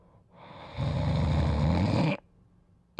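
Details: A sleeping dog gives a single loud, rough, rattling snoring breath lasting over a second, then quiet.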